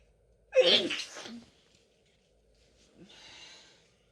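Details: Female sneezing: a brief intake, then a single sharp, explosive sneeze, followed by quiet breathing and a soft exhale.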